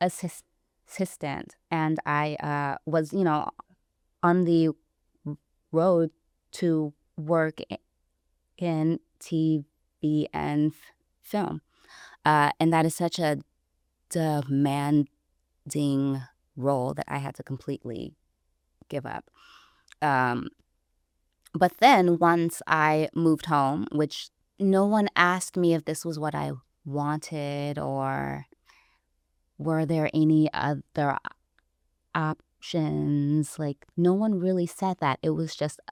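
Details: Adult woman, a caregiver, who self-identifies as a person who stutters, speaking in conversation; transcript shows gaps between phrases; stuttering.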